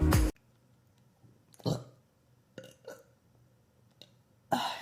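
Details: Burp compilation from livestream clips: several separate burps of varying loudness with quiet gaps between them.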